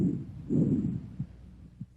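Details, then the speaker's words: Healthy patient's normal bronchovesicular breath sounds on stethoscope auscultation, heard at the 1st–2nd anterior interspaces and between the scapulae: soft, intermediate pitch and intensity, equal inspiration and expiration, with or without a gap, and faint heartbeat. "sounds have an intermediate pitch and intensity inspiratory and expiratory sounds are about equal in duration and a silent gap may or may not separate them"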